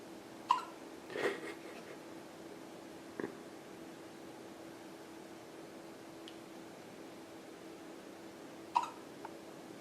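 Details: 3-day-old baby girl with hiccups: two or three brief, sharp hiccup sounds several seconds apart against quiet room noise; hiccups.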